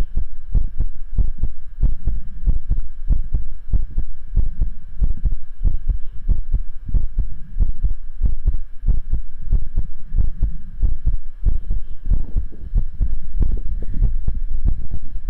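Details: Normal heartbeat picked up by a microphone during a livestream: steady low thumping about 94 beats a minute over constant hum, described as beating hard, pumping twice normally then twice very hard.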